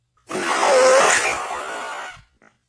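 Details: A woman sneezing during hayfever: a single loud, breathy burst lasting about two seconds. Sneeze.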